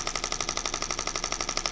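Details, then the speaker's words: Shockwave therapy device on a man's sore lower back during chiropractic treatment, ramping up from a comfort setting: rapid, regular sharp clacking pulses at about 12 per second; he reports feeling shocks. "So in the beginning, it's going to feel pretty light. And then you'll start to feel it a little bit more intense. It's really good for breaking up tissue, especially breaking up arthritis."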